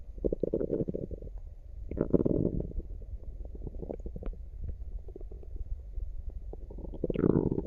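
Frequent low gurgling and rumbling from the abdomen, with a few louder surges; active bowel sounds, an ordinary finding during digestion.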